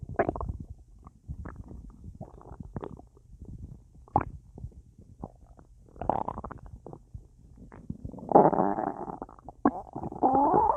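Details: Full, bloated belly with a lot of gas after a large meal with a drink: irregular bubbling, gurgling rumbles with brief squeaky gurgles, active bowel sounds (borborygmi).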